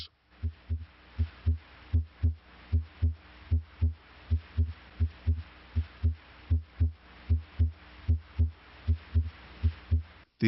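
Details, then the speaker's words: Normal heart sounds: regular paired S1 and S2 at about 77 beats a minute, with the longer pause after each pair marking diastole. "the second sound s2 arises from closure of the aortic valve pulmonic valve closure may also contribute to s2 ventricular systole occurs between s1 and s2"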